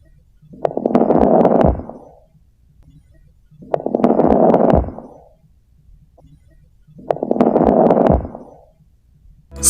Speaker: pulmonary rails or crackles are brief and discontinuous lung sounds and have a characteristic popping sound that are high pitched fine crackles can be described as being similar to the sound of wood burning in a fireplace